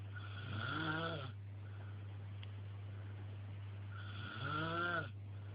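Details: Snoring: two drawn-out, buzzing snores with rising and falling pitch, about three seconds apart, over a steady low hum.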